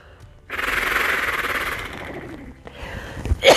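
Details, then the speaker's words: Productive-cough airway clearance: a long, forced, fluttering exhalation through a Bronc-u-vibe oscillating device, the last of ten breaths forced, then a short cough to bring up phlegm. "and you try to do that for as long as possible and you do that ten times the last one you can force it up"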